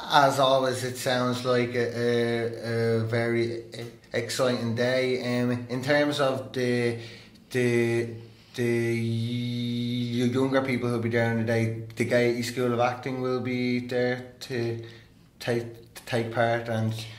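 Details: Adult man who stammers, openly disclosing his stammer and attending therapy; stuttering.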